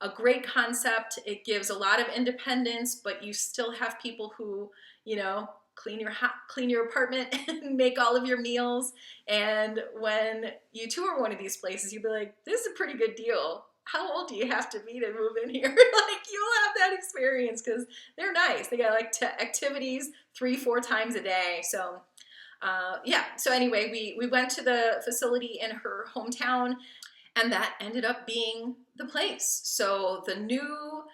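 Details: Adult female speaker; ordinary speech.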